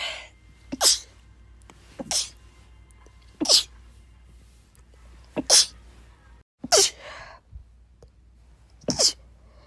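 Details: A girl's tiny, rapid sneezes: six sharp, hissing sneezes, each one to two seconds apart, over quiet background hum.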